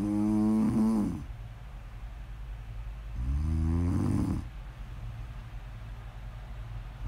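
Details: Snoring: slow, droning snores with a tonal, humming quality, roughly every three seconds, with quiet breathing between them.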